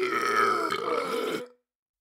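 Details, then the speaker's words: Voluntary power burp from a burping champion, made by repeatedly swallowing air, with soda as an aid: one long, loud, rumbling burp lasting about a second and a half. "to do an extremely powerful burp you need to swallow in some more air just like we did before do it several times do it some more some more you can get help from soda just like this and then let it out"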